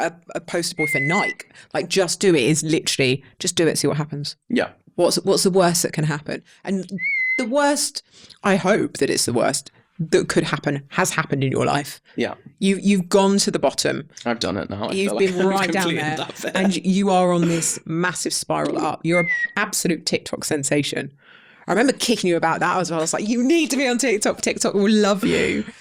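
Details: 32-year-old man with Tourette syndrome acquired about seven years ago after a brain injury; involuntary whistling, swearing and other vocal tics interrupt his speech; an earlier stammer occasionally returns; Tourette syndrome vocal tics.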